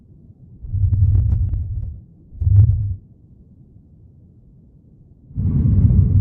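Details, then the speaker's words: Simulator recording of faint, muffled, low-pitched airflow: diminished breath sounds. Markedly reduced or absent sounds suggest air or fluid between lung and chest wall, such as pneumothorax or pleural effusion. Bilateral reduction may occur with severe bronchospasm or airway obstruction. "Muffled or absent breath sounds. Markedly reduced or inaudible air flow sounds suggest air or fluid between lung and chest wall such as pneumothorax or pleural effusion."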